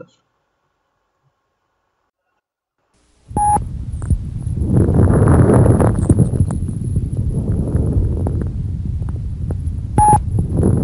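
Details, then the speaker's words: Fine, high-frequency crackles on chest auscultation: dense fine crackling over breath noise, framed by brief beeps. "ακούστε τώρα τους λεπτούς τρίζοντες υψηλής"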